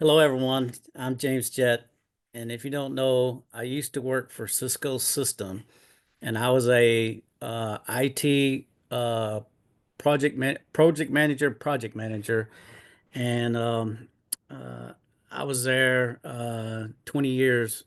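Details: Adult man with aphasia after two mini strokes in 2016; now retired and disabled.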